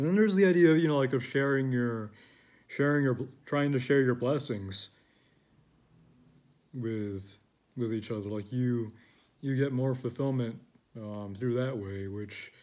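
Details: Adult male who describes his own speaking style as stuttering, disjointed, with an ongoing struggle to find the words he wants; stuttering.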